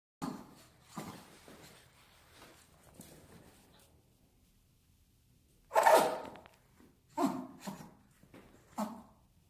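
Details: Small dog sneezing: soft snorting breaths, then a sharp burst and a few quick nasal puffs.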